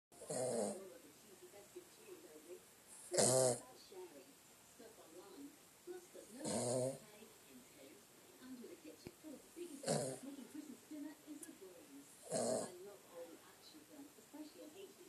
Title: Who's Snoring?